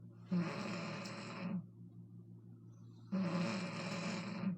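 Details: An adult mother gives two loud, rough, fluttering snores on the in-breath, separated by a quiet pause; ordinary snoring.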